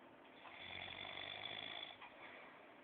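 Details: A single long, rough, fluttering breath noise from a sleeper, with faint room noise behind it; snoring.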